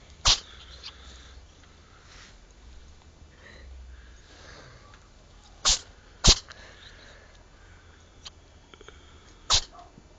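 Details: Cat sneezing.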